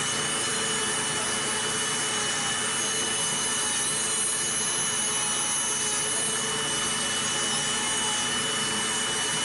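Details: Steady high-pitched grinding whir of a podiatric nail drill reducing routine, not thick, toenails during preventive foot care, running continuously.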